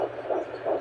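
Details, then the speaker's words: Fetal heartbeat at 9 weeks 3 days of pregnancy, found at home by the partner with a handheld Doppler: fast, rhythmic whooshing pulses, roughly 170 a minute. "Daddy's good at this oh my God what are we seeing you just hear that Harpy and it feels so much better"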